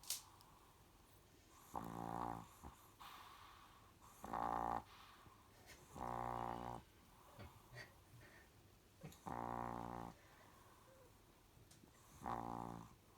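Rhythmic, buzzy, voiced snores about every two to three seconds, roughly 23 a minute, from a sleeping small dog; ordinary snoring.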